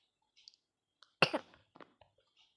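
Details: One short, sharp cough burst from a child, who says they have a cough, with a few faint clicks and breaths around it in a quiet room while narrating a game video.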